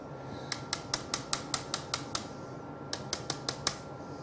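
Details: Rapid sharp metallic taps over steady room hum: chisel struck into vertebral bone during robot-assisted lumbar stabilization (L3 to S2) for thoracolumbar fracture, surgeon working the chisel medially and downward.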